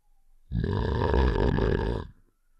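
One long, rough, low rattling in-breath snore, from a game sound effect.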